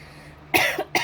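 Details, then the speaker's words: Adult gives a single sharp cough burst followed by a brief second expulsive sound, attributed to a weather change causing the cough. "excuse me we're having a weather change here in Colorado it's just killing me so you'll hear me cough throughout this video I apologize in advance"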